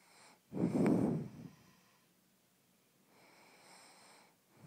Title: snoring